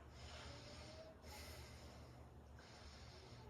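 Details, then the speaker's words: Normal vesicular breath sounds heard over the back during a head-to-toe physical assessment as the patient takes breaths: lungs clear, no adventitious sounds. "So again, lung sounds are clear, no adventitious sounds noted."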